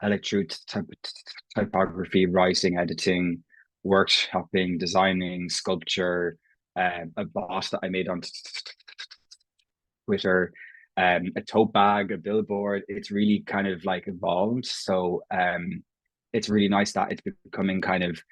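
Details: Stuttering (stammering) in an Irish adult man who has stammered as long as he can remember; his own speech features prolongations, repetitions and blocks; genuine, unconcealed stammering in conversational speech.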